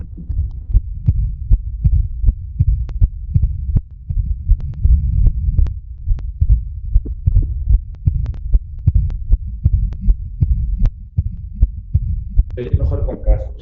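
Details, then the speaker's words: Digital stethoscope, patient with right bundle branch block: first sound, split second sound, then pulmonary regurgitation diastolic murmur; a systolic murmur is also present. "Este es el primer ruido, esta es la es el segundo ruido que está desdoblado, tenía bloqueo rama derecha y lo que tiene es el soplo diastólico."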